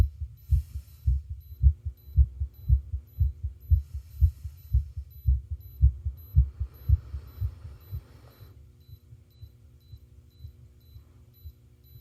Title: ECG with Heart Sounds